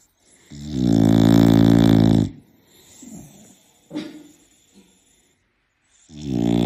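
A long, loud, rattling snore on the in-breath, then quieter breathing, and another loud snore starting. Heavy snoring.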